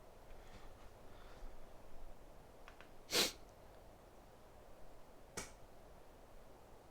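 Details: Sneezing: faint breaths lead to one sharp, hissing sneeze, then a smaller second burst a couple of seconds later, against steady room hiss.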